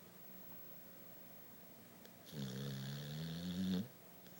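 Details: Male pit bull dog snoring during sleep: a single low, rumbling snore lasting over a second, against quiet room noise.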